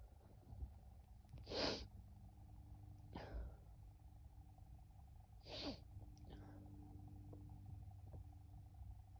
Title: Sneezing again (F)